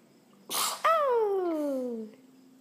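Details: A single sharp, noisy sneeze burst followed by a drawn-out, falling voiced trail: sneezing.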